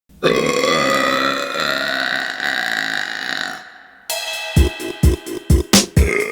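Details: One long, loud, drawn-out belch followed by background music with rhythmic beats, from a burping compilation; burping, the ordinary release of swallowed air.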